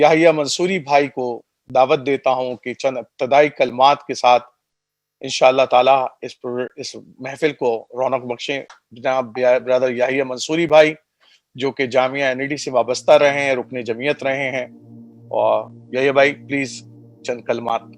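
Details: Adult man; normal voice.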